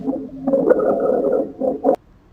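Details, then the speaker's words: Lung auscultation teaching recording of rhonchi: low-pitched, deep, rumbling, snore-like continuous breath sounds that may clear with coughing. "roncai think of a rhino and they make some low pitched deep sounds this one's continuous too but may clear with coughing let's listen"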